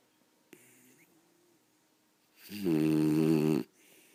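A quiet room, then one loud, rattling, buzzy snore lasting about a second on the in-breath: dog snoring.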